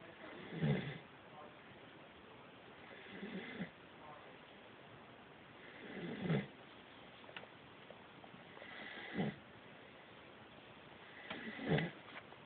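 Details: Sleeping dog: rhythmic rough snoring breaths, about 11 a minute, over quiet background hiss; snoring.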